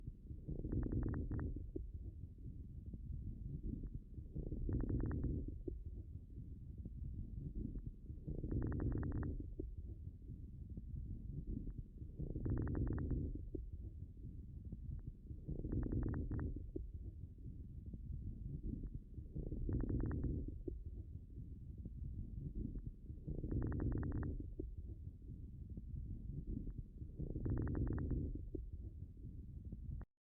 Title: Lung crackles in a canine patient with pulmonary edema (left heart failure)